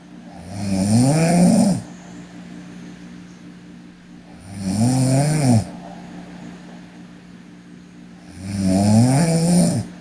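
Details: A sleeping Korean girl snoring: loud, rattling snores on each inhalation, about 15 breaths a minute, with quiet gaps between.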